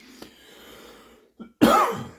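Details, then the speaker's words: Adult painting miniatures gives a single loud, harsh cough after a quiet stretch and faint throat catch, trailing off; speaker apologizes that the cough kept coming out. "Sorry about the cough that was uh coming out whether I stopped or not."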